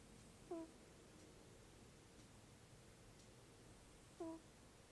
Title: Cat snoring "Alpha Papa nasal whistle" 1 min in